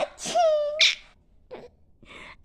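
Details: A single sharp in-breath and explosive sneeze, followed by brief softer vocal sounds; a baby was laughing at the sneeze. An ordinary sneeze.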